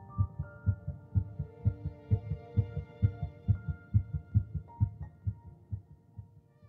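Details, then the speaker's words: Rapid regular low thumps about 130 a minute over soft background music, described as embryonic heartbeat detectable at 3 weeks 1 day, 22 days after fertilization. "At 3 weeks and 1 day, just 22 days after fertilization, heartbeat can be detected."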